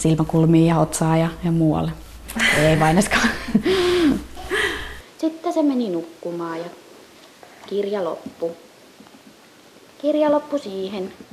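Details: Adult woman with adductor spasmodic dysphonia, a neurological voice disorder, reading a children's story aloud before treatment; the clinician notes the typical features of voice breaks and cut-offs with a tight, strained voice.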